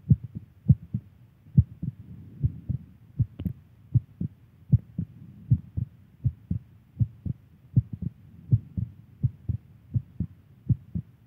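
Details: Clear paired lub-dub heart sounds, regular, at roughly 80 beats a minute, from a woman; normal heartbeat.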